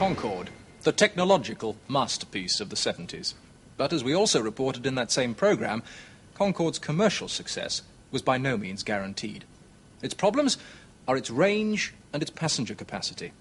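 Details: Adult male narrator; normal speech.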